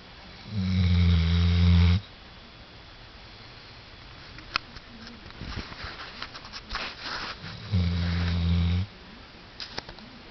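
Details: Snoring likened to a freight train: two loud, low rumbling snores about six seconds apart, with soft breathing noise between.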